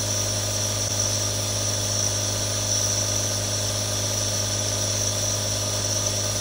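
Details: Real nebulizer, one of three recorded: steady mechanical hum with a constant hiss, no breaks, while running.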